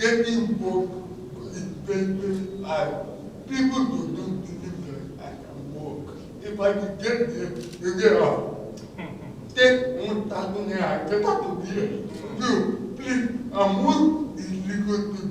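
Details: Dysarthric speech in a 30-year-old man living with cerebral palsy.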